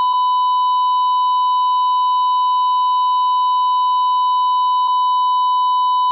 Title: Hospital Monitor with FlatLine (L) (HD)